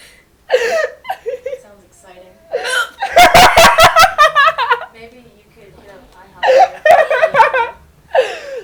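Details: A woman with hiccups while laughing, heard as a quick run of sharp, abrupt catches mixed with laughter; hiccups.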